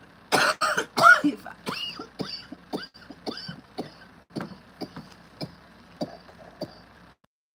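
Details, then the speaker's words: An adult gives two strong coughs, then a string of softer throat-clearing noises and small coughs. "[cough and clears throat]"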